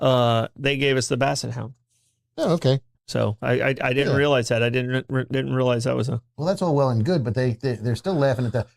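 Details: Stuttering in a male speaker who himself describes having a stutter.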